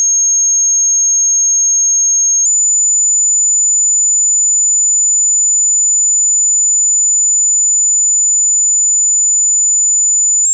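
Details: Pure-tone audiology hearing test tones played low to high pitch at constant loudness, each tone lasting 8 seconds; steady high-pitched tones stepping to a slightly higher pitch; listen at low volume.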